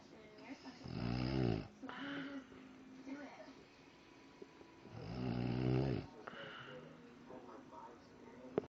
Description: i was bored and decided to record my mom snoring